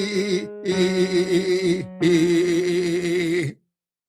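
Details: 81-year-old woman with a constant underlying vocal tremor, here deliberately left unstabilized to demonstrate it; she normally stabilizes it with vocal tract strengthening exercises; vocal tremor.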